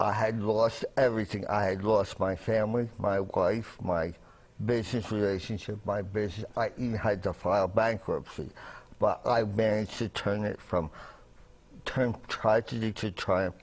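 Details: Adult man with a voice disorder from laryngeal injury: a medic's trach tube damaged his voice box on the way to hospital after a restaurant fire with carbon monoxide poisoning and coma; also a traumatic brain injury survivor who relearned to talk.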